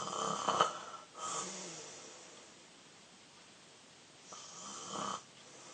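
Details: Two harsh, snorting snores a few seconds apart over faint background hiss, from a sleeping 13-year-old boy; snoring.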